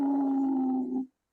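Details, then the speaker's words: Steady, musical, whistling wheeze lasting about a second, from tight, constricted airways; a lung sound example. ">> That's wheezing. That's wheezing. That's really, really tight lung. wrong constriction."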